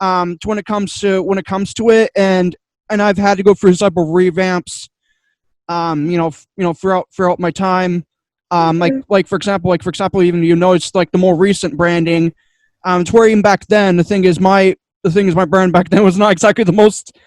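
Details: Male podcaster with two diagnoses who says he stutters a lot, especially when unsure what to say, and attributes it to his other diagnosis; stuttering.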